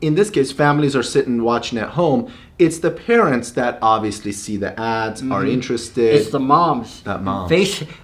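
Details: Adult speaker; normal speech.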